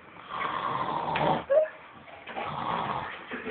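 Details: Harsh, raspy snoring from a sleeping person on two breaths, with a brief whistling squeak between them.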